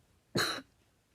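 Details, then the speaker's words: A single short, harsh cough from an adult man, who is coughing all day, in a quiet room. "You're just gonna see me craft. Excuse me. Cough my lungs out."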